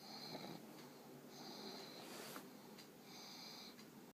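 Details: Pug dog getting sleepy, snoring with an eye open; faint, whistling snores repeating every couple of seconds over steady room noise; snoring.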